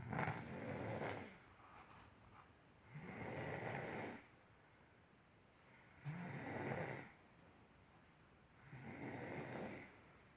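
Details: Person snoring during sleep: regular rough snoring on each breath, about 20 breaths a minute, with quiet pauses between.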